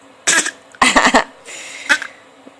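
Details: A baby girl gives a few small, light, deliberate coughs in short bursts, seemingly for attention to be picked up: voluntary (fake) cough.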